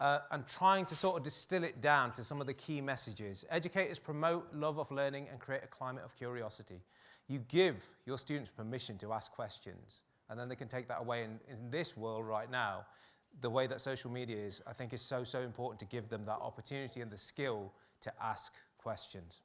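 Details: Adult male speaker; normal speech.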